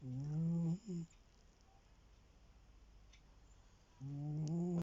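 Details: Sleeping pet cat snoring loudly: a buzzing, tonal snore followed by a short second snore, then quiet until the next one begins.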